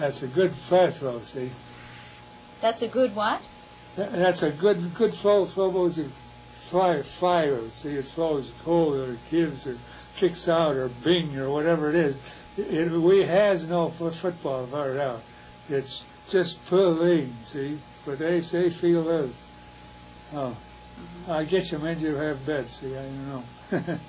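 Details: Wernicke's (fluent) aphasia, fluent but largely meaningless speech; Wernicke's aphasia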